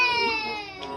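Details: A single high-pitched infant cry, tapering off over about one second.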